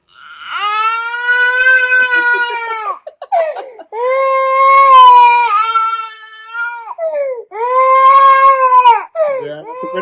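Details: Young child crying at home while the mother does not react: loud, sustained wailing in long bouts with brief catches of breath between, in a small room.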